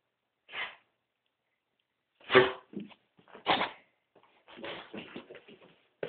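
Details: Female dog giving a few harsh, forceful coughs followed by rapid, softer snorting and hacking in a quiet room; the owner is unsure what is causing the cough.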